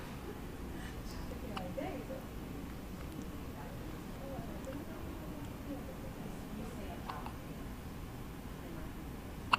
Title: the hiccups